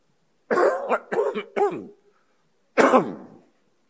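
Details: Adult man speaking at a podium suddenly coughs mid-speech: a quick run of three harsh, partly voiced coughs, then one more after a short pause, a brief coughing fit.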